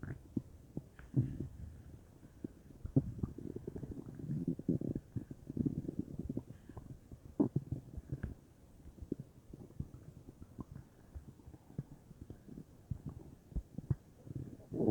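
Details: Active bowel sounds (borborygmi) from a bubbly belly, unsure whether stomach or intestines: continuous low rumbling and bubbling with scattered small pops for about fifteen seconds.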